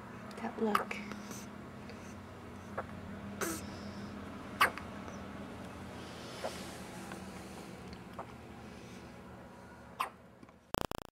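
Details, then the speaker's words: Infant girl hiccups: soft, abrupt hiccup sounds, about seven in eleven seconds, over quiet room noise. "Man, you were concentrating on that one. She's got another one coming. That sounded wet, Daddy."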